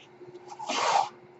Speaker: that noise you're hearing is my ventilator